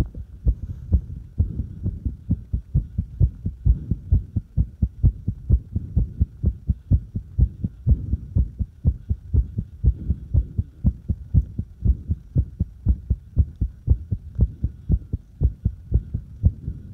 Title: Irregular heartbeat and fast heartbeat